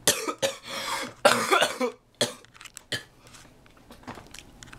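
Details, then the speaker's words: A run of about six harsh, loose coughs from a child who says they are getting sick, some drawn out with throat clearing, fading to quiet room noise. "I am getting sick got a cough coming there's a cough coming and I best be ready when she does"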